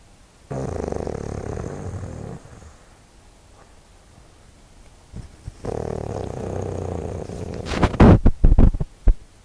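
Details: Heavy snoring: two long, loud, rattling snores on breathing in, followed by a few sharp snorts.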